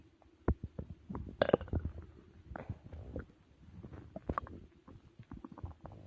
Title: Stomach Growling After a Big Meal 🍕 | Loud Digestion Sounds